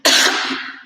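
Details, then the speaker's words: Harsh, forceful single cough that fades quickly, a bronchitis-type cough in someone recently very sick, attributed to fine dust irritating the throat. "Like I have those bronchitis type of coughs. Like they're not cute at all. I sound like I'm dying."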